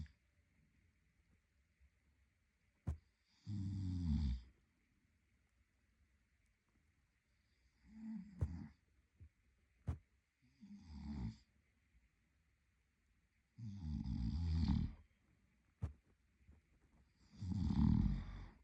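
Low rumbling snores on inhalation every few seconds, separated by quiet pauses with occasional clicks and a faint steady room hum.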